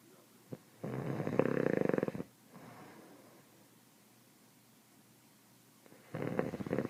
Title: Snoring Dad!